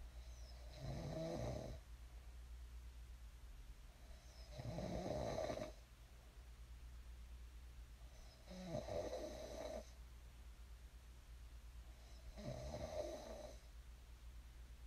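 Four loud, rattling snores roughly every four seconds, about 15 breaths a minute, over a low room hum; ordinary snoring.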